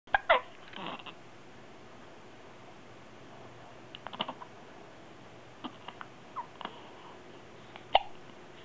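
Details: Baby almost 2 weeks old with hiccups: repeated short sharp hiccups every few seconds, about four bouts, with faint babbling.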